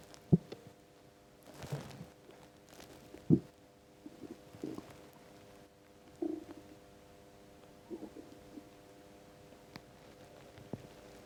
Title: Empty stomach rumbles